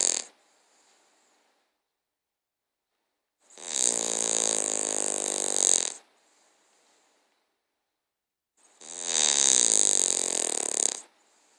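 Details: King Charles Cavalier dog snoring while sleeping and dreaming: two long, loud, buzzing nasal snores separated by quiet pauses.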